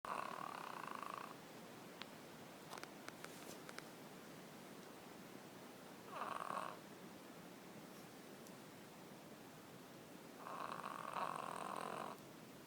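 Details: French bulldog snoring loudly enough to wake herself up: three noisy, rasping snoring breaths spaced several seconds apart over steady background hiss.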